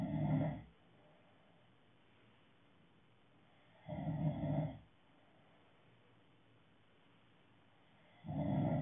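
Low rumbling snores at regular intervals, about 14 breaths a minute, quiet between; ordinary snoring.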